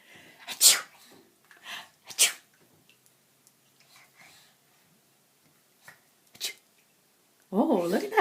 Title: Fake Sneezer